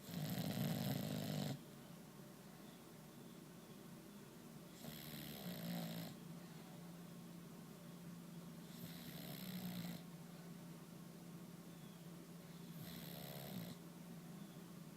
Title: Finn the Snoring bulldog